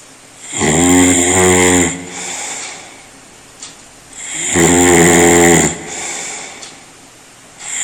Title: World's LOUDEST HUMAN SNORING SOUND